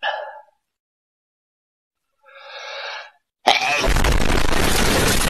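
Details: Comedic comparison of how normal people versus dads sneeze: a soft sneeze-like burst and drawn-out inhale, then a sudden very loud blast with long roaring noise, an exaggerated dad-style sneeze.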